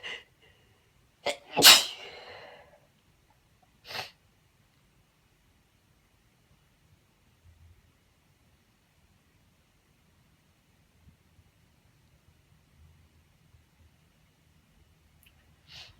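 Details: A female's loud, uncovered sneeze, unedited, with a short breath before it and a smaller burst after, then quiet.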